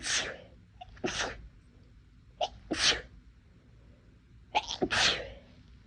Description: I’m normally not one who sneezes a lot throughout the day but it was like my nose was a lot more sensitive today, so I thought I’d try to induce to see what happens and here we are.